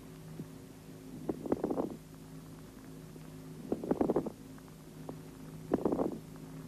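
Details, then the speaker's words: Moist rales (coarse crackles) heard over the lungs when liquid secretion accumulates in the bronchi: bursts of bubbling, popping crackles recurring with each breath; educational lung auscultation film. "при скоплении бронхах жидкого секрета над легкими можно выслушать влажные хрипы"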